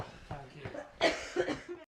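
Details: Short run of two or three harsh, loose adult coughs with faint voice sounds before, from an acted TV-series outtake; cough.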